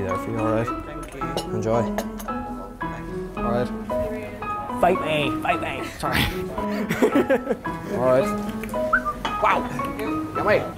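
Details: Vocal tics in a young man, with involuntary noises, words and swearing that began suddenly after a traumatic breakup and a psychiatric hospital stay; not officially diagnosed, but he believes he has Tourette syndrome.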